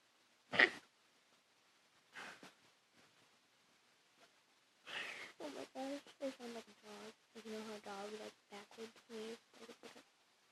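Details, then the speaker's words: Person describing their own unusually weird sneeze, which others think is fake: a sharp sneeze burst followed by a run of quick, voiced snorting honks resembling a dog's reverse sneeze. "guys, I'm gonna be doing like the weirdest sneeze ever. Like I have a really weird sneeze."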